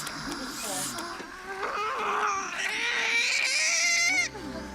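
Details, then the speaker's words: Newborn delivered in a high-risk maternity unit who at first struggled for breath under NICU care, heart rate good: loud, high-pitched, sustained wails with faint music behind, the vigorous, reassuring first cry. "There you go. That's what we want. That cry is just the most reassuring, most wonderful thing that you hear in the delivery room. And the louder the better."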